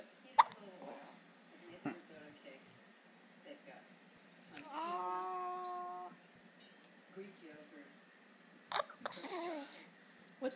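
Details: Hiccups from a girl, with family talking nearby.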